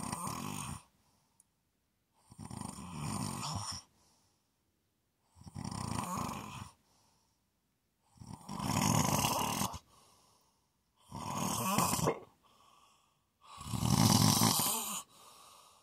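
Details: ASMR snoring: steady, loud rattling snores with every breath, about 24 breaths a minute, with quiet pauses between; ordinary snoring.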